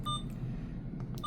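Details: Two short high-pitched beeps from an Alaris syringe infusion pump keypad, over low room hum, as a channel is selected and a 50 mL plastic syringe is confirmed while setting up a pediatric syringe medication.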